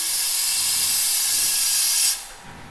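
Steady loud hissing suction that stops abruptly, the sound of a dental saliva ejector running on a simulator unit.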